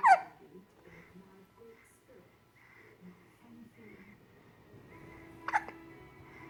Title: hiccup baby